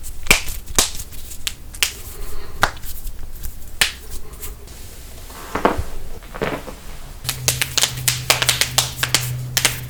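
Series of sharp pops and clicks from joints being cracked, in a small room; harmless joint cavitation.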